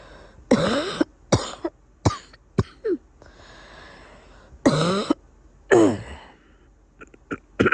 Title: Congested cough